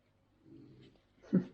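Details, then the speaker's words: Sleeping dog snoring in a quiet room during a crafting session: soft low rumbling breath followed by a louder snorting snore; ordinary dog snoring. "Alors, vous entendez ronfler, c'est pas moi. Hein."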